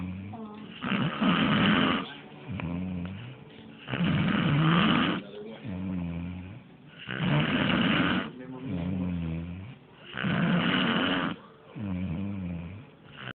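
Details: A man snoring at length: loud, rough snores on each breath in, with quieter voiced breaths out, about 19 breaths a minute; heavy snoring.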